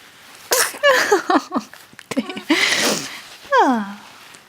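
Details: A little fit of sneezes: sharp bursts of noise with voiced sounds between, in a small room; ordinary sneezing.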